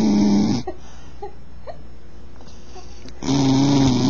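Loud, rattling, low snores on the breath in, with a quiet pause between them: snoring from a sleeping dog.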